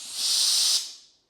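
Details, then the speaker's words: Air-driven dental handpiece on a Forest 7000 series dental unit, run while lockout switches are tested: a high, steady airy hiss for about a second, then winding down. "Okay? So, handpiece is off. Okay, works."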